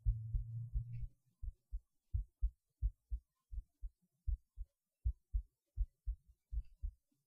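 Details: Steady paired lub-dub heart sounds recorded through a cheap acoustic stethoscope, about 85 beats a minute, after a brief rumble of stethoscope handling noise.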